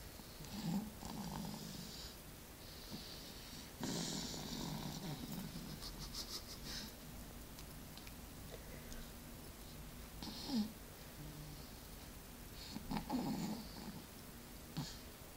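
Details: Baby snoring: soft, irregular snuffling snores and short snorts over steady room noise.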